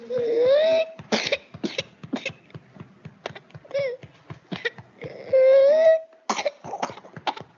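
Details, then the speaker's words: Child with pertussis-associated paroxysmal ("quintosa") cough: runs of rapid, repetitive coughs with hardly a breath between them and long high-pitched inspirations; seems full of secretions yet brings up only scant mucus and saliva. "no logran ver que a pesar de que el niño pareciera que está lleno de secreciones e incluso no logra sacar tanta este saliva y son todos que son como repetitivas de acuerdo elimina escasa mucosidad"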